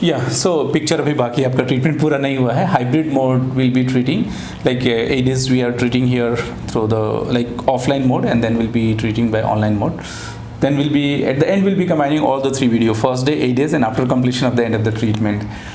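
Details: Adult male speaker (speech-language pathologist); Normal adult speech.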